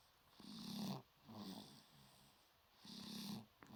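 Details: Five-month-old baby snoring in sleep: rhythmic rough, buzzing breaths about three seconds apart, each drawn in noisily, likened to a man's snoring.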